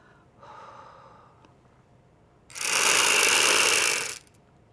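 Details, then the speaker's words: Neohaler dry powder inhaler: a soft click, then a steady loud whirring rush for about two seconds as the capsule spins during a rapid, deep inhalation through the mouthpiece, indicating correct use. "Seal your lips around the mouthpiece, then breathe in through your mouth rapidly but steadily, as deeply as you can, making sure you hear a whirling noise while breathing in."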